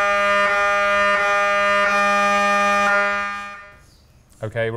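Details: Brain MRI scan with a head coil at a university research imaging centre, recorded as a virtual-reality experience during the main scan: loud steady buzzing drone with regular pulses that stops, then a brief voice; normal MRI scanner noise.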